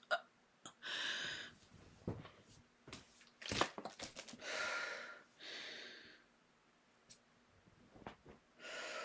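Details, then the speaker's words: Several strained, squeaky, constricted stridor-like in-breaths with short catches, self-recorded during an episode in a person with suspected deviated septum, sinus inflammation and head pressure with spasms; cause uncertain, laryngeal spasm considered. "What, I don't know what I'd describe that type of breathing as. Constricted?"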